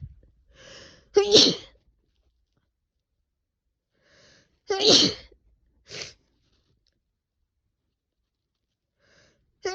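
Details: Person with a cold sneezing repeatedly: three forceful sneezes, each preceded by a quick catching inhale, then the start of a fourth.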